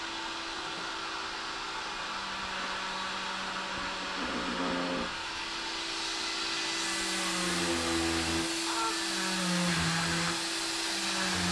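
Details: A cast saw with a steady high whirring motor hum, the buzzing tone changing as the blade presses in, cutting off a boy's leg cast at his final cast removal.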